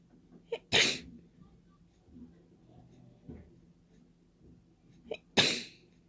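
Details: Person sneezing openly without a tissue, wet sneezes, resisting blowing nose: two loud, open, hissing sneezes, each after a quick catch of breath, in a quiet room.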